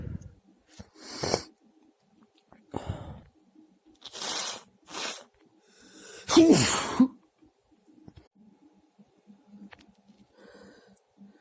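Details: A series of about six deliberately varied sneezes, from soft bursts to one loud explosive sneeze, with quiet breathing between; sneezing.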